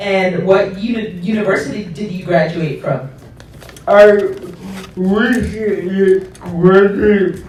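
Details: Adult speakers in conversation; normal speech.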